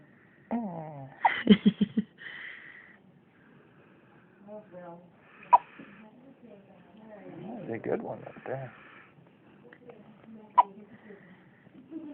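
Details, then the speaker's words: A boy, ready to feed again, gives two abrupt, brief hiccups amid soft voices and quiet room noise; hiccups. "Want to give you hiccups? Hmm? Means I'm growing, Dad."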